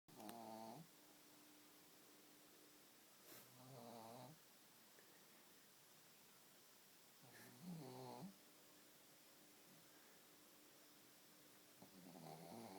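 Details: Ray, a pug lying on his back relaxing, snores in regular rattling bursts at about 15 breaths per minute over a quiet room hum.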